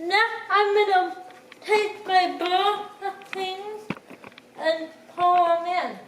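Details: Dysarthria in a speaker with cerebral palsy who cooks independently with limited help.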